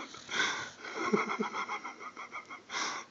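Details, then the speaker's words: Sleeping dog snoring with fluttering, squeaky snorts and whistly nasal breath noises. "sorry dude you're making funny noises he's still sleeping"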